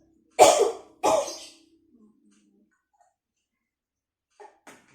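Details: Two strong, deliberate coughs followed by quiet breathing from an adult woman performing deep-breathing and effective-cough exercises guided by a nursing student; phlegm was cleared.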